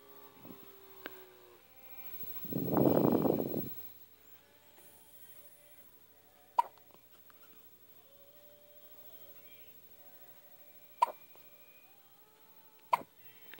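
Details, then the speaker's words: Baby girl who gets hiccups very often, even before birth, hiccuping for about 10 minutes and unhappy about it: three sharp, isolated hiccup clicks at irregular intervals after a soft vocal sound. "does not like these hiccups."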